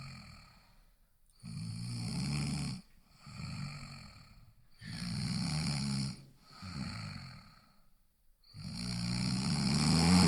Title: Snoring Sounds